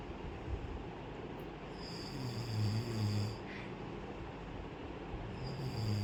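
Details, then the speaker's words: Snoring from an adult sleeping at about 4:45 in the afternoon, shortly after complaining of a headache and asking for tea. "এখন বাজে হচ্ছে পৌনেে পাঁচটা। আর ও ঘুমোচ্ছে। নাক ডাকছে।"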